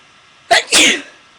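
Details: A single sharp sneeze with a quick in-breath and a loud hissing burst in a quiet room; the sneezer says her allergies are attacking her today.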